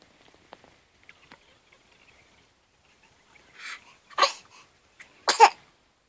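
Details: A soft in-breath followed by two sharp, explosive sneezes about a second apart in a quiet room. Sneezing.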